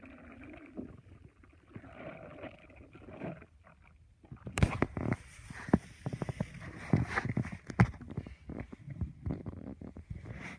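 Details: Low gurgling, rumbling stomach growls with sharp clicks and bubbly pops in a quiet library; stomach growling (borborygmi).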